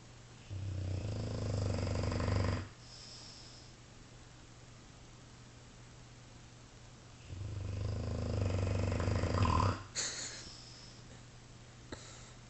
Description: Dogue de Bordeaux snores unlike any animal ever.